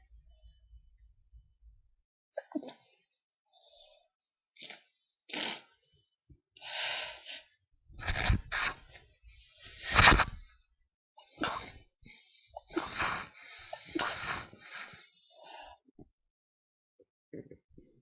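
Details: Person woken from sleep by a sneezing fit, recorded on a handheld mic: a series of sharp, explosive hissing bursts with brief pauses between them: repeated sneezing.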